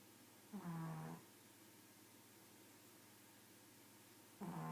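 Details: Pug snoring: two low, buzzing, snorting breaths a few seconds apart over steady room hum.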